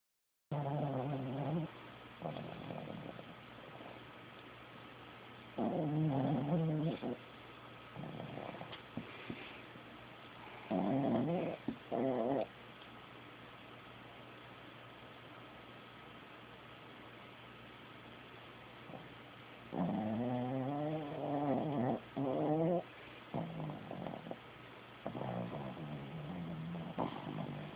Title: Loudest snoring dog.